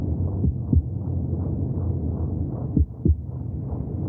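A steady low whooshing rumble with soft rhythmic thumps and a few stronger paired beats: heartbeat sounds heard from inside the womb.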